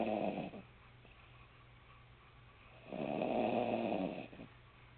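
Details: Two slow, rattling snores on breaths in, with quiet pauses between, over a low hum; snoring while asleep.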